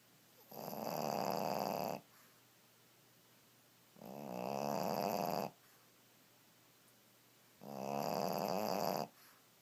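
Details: Pekingese dog napping on a bed, snoring in a steady rhythm, about 18 breaths a minute, with loud rattling inhalations.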